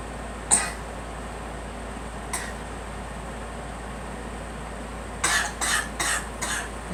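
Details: Girl coughing while being encouraged to sit up and let it out: two single coughs, then a run of four quick coughs over steady room hum.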